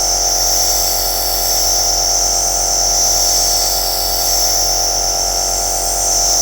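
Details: Aerosol nebulizer compressor running, recorded as white noise for sleep: steady high-pitched hissing hum, continuous without breaks.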